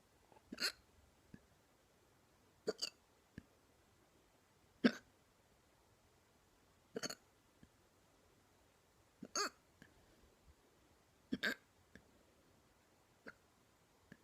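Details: Woman with painful "neck hiccups": short, sharp hiccup clicks at irregular intervals, about 28 a minute, in a quiet room.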